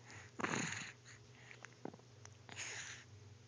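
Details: Several brief, abrupt catches of breath with a sharp vocal onset, a few in quick succession, as a girl gets hiccups while talking.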